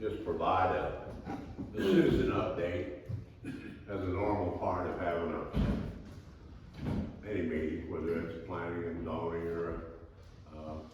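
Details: Adult man speaking; ordinary speech.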